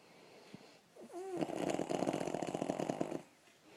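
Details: A father's snoring heard while someone else tries to sleep: a long, rattling, rapidly fluttering snore of about two seconds after a few soft sounds; snoring.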